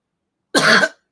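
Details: A single short, harsh dry cough burst from an adult, without audible rattle or mucus; speaker attributes the cough to COVID.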